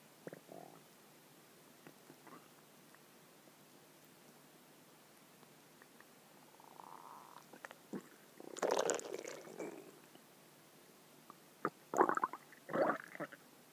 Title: Stomach growling 2